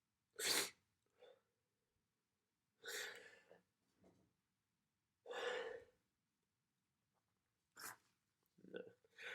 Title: 2021-11-29 Some sneezes and nose blows